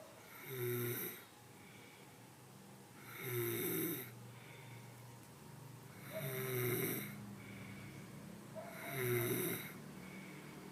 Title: Snoring 101